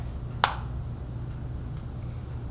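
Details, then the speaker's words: A COPD Diskus inhaler gives a single sharp click as it is pushed fully open, ready for use. "use your finger to push the lever away from you you will hear a click from here the shutter is open and the medication is ready for you to inhale"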